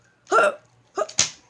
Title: hiccups